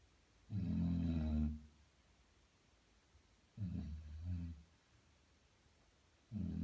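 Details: Snoring in a sleeping Basset Hound: deep, rumbling snores on each breath with quiet gaps between them.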